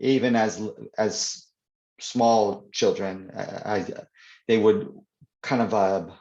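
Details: Adult man who stutters (stammers), in real conversation, who says his stutter is worse when reading aloud; stuttering.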